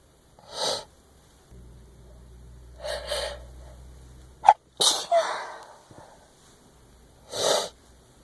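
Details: Several sharp, explosive sneezes, with a quick intake of breath before one, and quiet room sound between; a person still sneezing.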